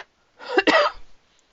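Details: Adult still recovering from an illness, about 85–90% better: a single short cough with a throat-clearing quality, rough and somewhat loose, in a quiet room.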